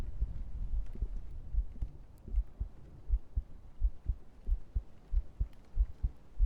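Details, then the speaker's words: ASMR heartbeat recording via microphone: steady, soft lub-dub beats at about 90 a minute, with muffled rubbing and handling noise early, shirt print rubbing; ordinary heartbeat. "do a bit more heartbeat and then do some brushing."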